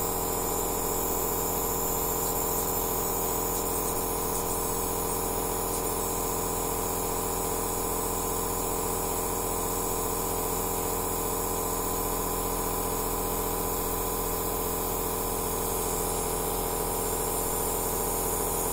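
Steady, unbroken mechanical hum and hiss of a nebulizer machine running without pause.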